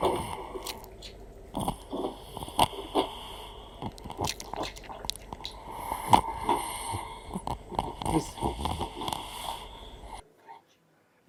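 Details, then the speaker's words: Stertor: gurgling sound from the pharynx, usually linked with dysphagia, as airflow bubbles through accumulated saliva in the pharynx; veterinary lecture example. "Is primarily a gurgling sound coming from the farings, usually associated with dysphasia. So, we got accumulation of saliva in the fings and the airflow will create these big bubbles."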